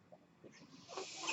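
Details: Speaker's own mechanical ventilator during a spoken podcast: a quiet rush of air builds into a steady hiss as a breath is pushed in, one ventilator breath cycle.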